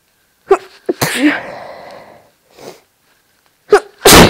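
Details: Induced sneezes in a person with no allergies or hay fever: two forceful sneezes, each with a sharp intake before an explosive burst of air, in a quiet setting.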